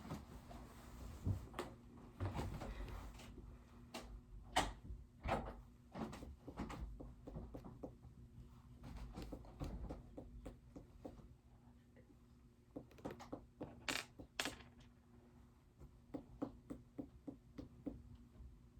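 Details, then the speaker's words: Short, sharp finger taps over several spots on the abdomen during a nursing physical assessment, just after auscultation found active, churning bowel sounds: abdominal percussion. "So that means I'm just going to take my finger and I'm going to tap all over your stomach, okay?"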